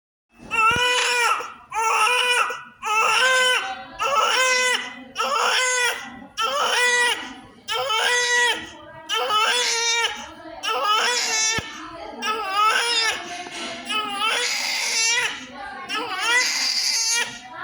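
Repeated loud, high-pitched crying bursts from a newborn shortly after birth, about 47 cries a minute; a normal strong first cry.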